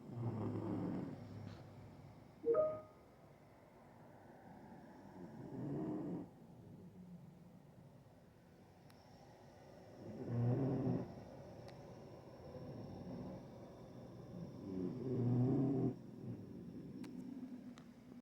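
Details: Soft, low, rumbling snores recurring about every five seconds, about 12 breaths a minute, over quiet room noise; snoring.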